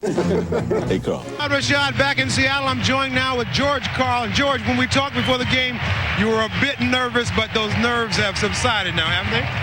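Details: Adult male speaker, broadcast interview; normal speech.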